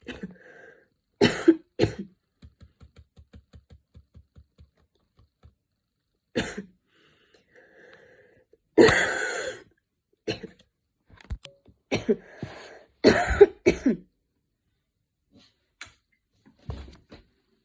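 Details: Coughing fit while studying, starting minor and worsening until intense, patient changing positions (standing, kneeling, sitting with hands on knees) to relieve chest: repeated harsh coughs and throat clearing with rapid faint clicks between bursts.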